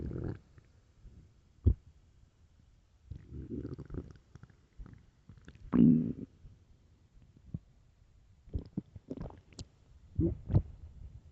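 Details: Irregular low gurgling and rumbling bursts with quiet gaps from an extremely hungry, empty stomach; loud stomach growling (borborygmi), a normal finding.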